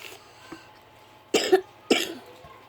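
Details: Two short, moist coughs from a young girl with a cough and cold who is reading in a quiet room; cough.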